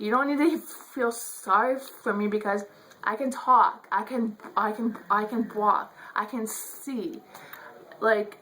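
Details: Adult woman who says she stutters; stuttering.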